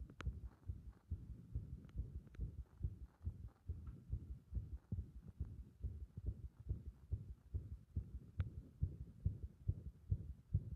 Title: 心臓はじけるような不整脈 圧迫心音